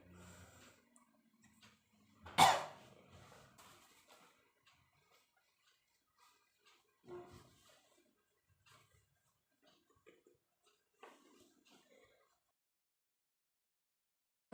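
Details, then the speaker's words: Simulated nursing demonstration of effective (controlled) cough: patient takes three breaths, holds the third, then expels it with one strong cough, followed by softer breathing; technique to clear accumulated airway secretions. "Pertama yaitu Ibu melakukan nafas sebanyak 3 kali. Nah, nafas yang ketiga kali itu Ibu tahan dulu. Setelah itu Ibu keluarkan melalui batuk."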